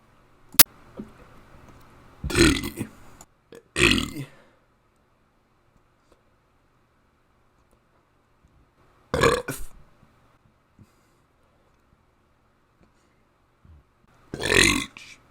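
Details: Four loud, drawn-out voiced belches separated by pauses in a quiet room, made while burping the alphabet; deliberate burping.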